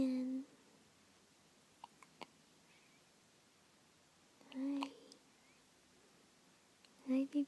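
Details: Hiccups: short, abrupt voiced catches at irregular intervals in a quiet room, with faint small clicks in between.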